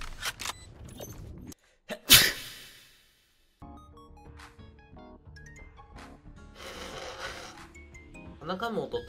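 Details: A VTuber's single sudden, forceful sneeze from hay fever (pollen allergy), after complaining of itching and nose-blowing; speech over background music follows.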